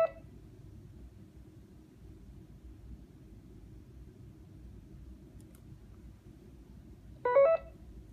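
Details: Short electronic tone bursts at the start and near the end over a quiet low hum during a demonstration of a B. Braun Infusomat Space IV infusion pump; keypad beeps.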